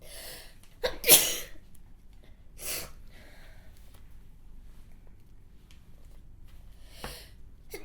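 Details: Voice-acted woman sneezing while reading aloud: quick intake of breath, sharp loud sneeze, then softer breathy bursts in a quiet room; sneezing.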